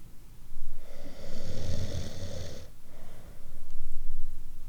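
One long, harsh, fluttering inhaled snore with a low rumble, followed by quieter breathing.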